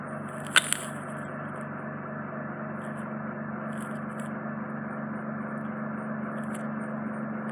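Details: Ear microsuction of a large, deep impacted wax plug in an adult man's right ear canal, causing reduced hearing. Steady hissing suction with a few brief instrument clicks as wax is removed.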